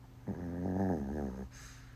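A single long, low, rattling snore on an in-breath, lasting just over a second, in a quiet room.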